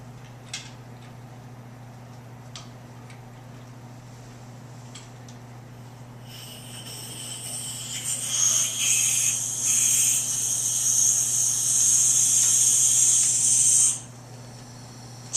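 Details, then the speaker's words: AeroEclipse handheld small volume nebulizer set to continuous flow, tubing on wall oxygen flowmeter at 8 L/min, checked for mist: steady high hissing for several seconds then stopping over low room hum; nebulizer running. "make sure the medication is being nebulized properly set the device to a continuous flow and observe the Mist if a good mist is not being produced check your tubing connections and ensure the device is correctly put together with all the pieces"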